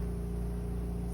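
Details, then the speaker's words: Cesarean section quantitative blood loss demonstration with Neptune suction, after delivery and before the placenta, suctioning drape pockets to capture amniotic fluid: steady low droning hum; surgical suction running. "We're going to suction out all the pockets. Come over here and make sure they're clear, and come on this side and capture as much of that amniotic fluid possible as we can."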